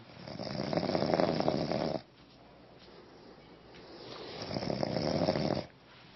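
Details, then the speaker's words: Adult man sleeping deeply on his back: loud, harsh, rattling snores on inhaling, two long breaths separated by quiet exhalation; heavy "jackhammer" snoring. "Não, mas não é só porque tá dormindo profundo que não vai precisar roncar também desse jeito, o motor Então, ligado."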